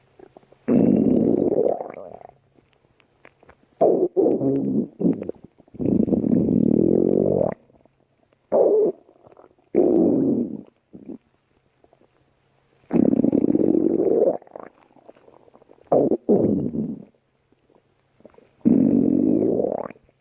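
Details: Stomach growling: loud, low gurgling and rumbling bursts of varying length with quiet gaps between them; borborygmi.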